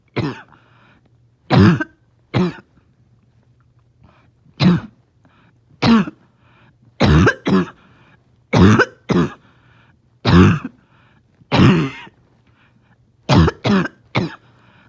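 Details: Dog with a morning barking, wheezing cough, having a hard time resting: about fifteen short, harsh coughs, some in pairs and triplets, over a low steady hum.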